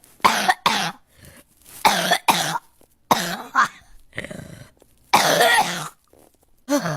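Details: Several sharp coughs in short clusters with some throat clearing from a girl.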